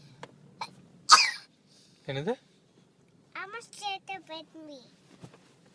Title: Cough